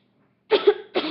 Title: Random facts #3/ Cough Galore